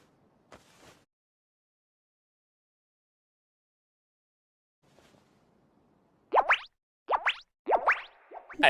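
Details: Hunger stomach growling (borborygmi): faint rumbles, then a run of loud gurgling squeals with rising pitch.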